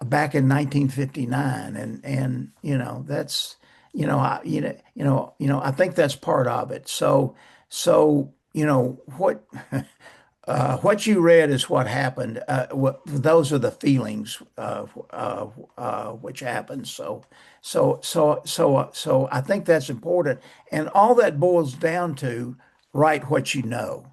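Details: Adult male author who has stuttered since age 11; stuttering.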